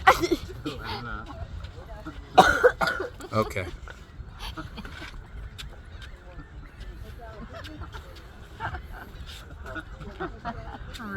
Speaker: Can you stop coughing, please? You're ruining my YouTube.